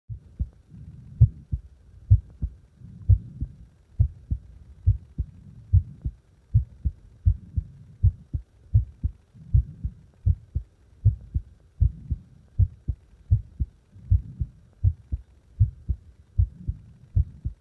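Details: Heartbeat deliberately made to speed up and slow down: clear beats with uneven spacing and a shifting pace over the recording.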